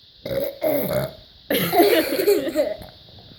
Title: ABC burps